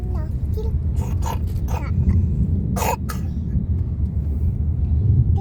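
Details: Young child gives several short, dry coughs over steady low vehicle rumble.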